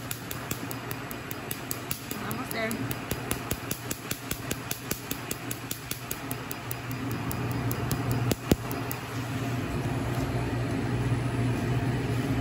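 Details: Laser tattoo removal, third session on a faded tattoo on the left ring finger: rapid sharp snapping clicks, about two or three a second, over a steady fan hum as the laser fires.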